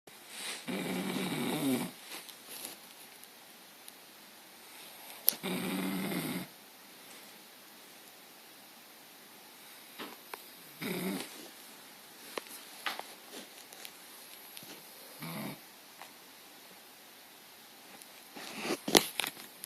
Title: Snoring cousin